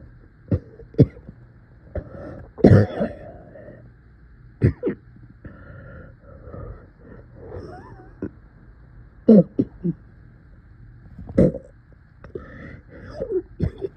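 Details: Several short, strained coughs and throat clearing with groaning effort between them, coughing in much pain, in a quiet room; painful cough.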